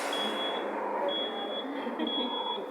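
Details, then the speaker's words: Zoll mechanical ventilator training: the respiratory rate is set above the set limit, and the ventilator sounds a steady high-pitched alarm, briefly interrupted, over room noise. This is a high respiratory rate alarm. "vamos a subir en la frecuencia por encima del límite que tenemos y entonces él va a empezar a aplicar alguna alarma por alta frecuencia respiratorias"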